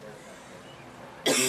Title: Smoking Cough After a Shower